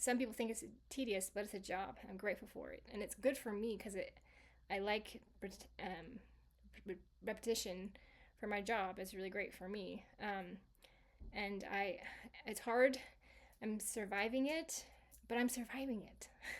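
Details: Woman with global aphasia from a stroke caused by a heart defect at age 18 in 1999, improved over 26 years of recovery and now residual and variable by her own account; residual aphasia.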